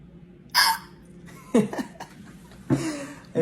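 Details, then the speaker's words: Monkey with hiccups: three abrupt, sharp gulping sounds about a second apart, with faint room noise. "think you've got hiccups. I think you got hiccups. We're gonna have to take care of that."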